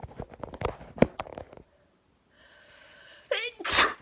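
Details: Soft indistinct sounds and a pause, then a sharp indrawn breath followed by one loud explosive wet sneeze; part of a series of sneezes and nose blowing.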